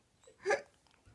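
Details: 17-day-old baby girl with hiccups: a single brief, sharp voiced catch in a quiet room; one deep hiccup.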